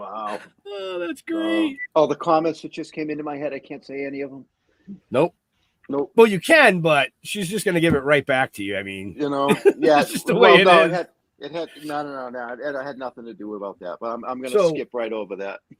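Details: Adult speaker; ordinary speech.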